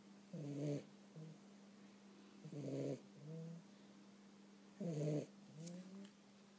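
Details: Rhythmic, buzzy snoring from a cat during a summer nap, about 27 breaths a minute, each loud snore followed by a softer tone, over steady hum; snoring.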